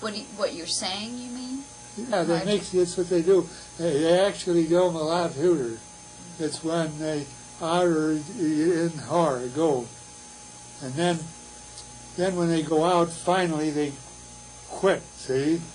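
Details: Wernicke's (receptive, sensory) aphasia in a man, producing fluent but meaningless speech.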